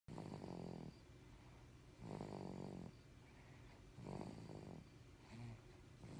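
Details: Snoring: regular, low, rattling snores on each breath, about three in six seconds, roughly 30 breaths a minute.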